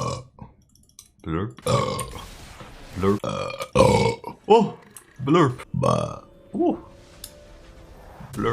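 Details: Burping compilation from a live game stream: repeated loud, low, drawn-out belches with short gaps and brief vocal sounds; voluntary burping.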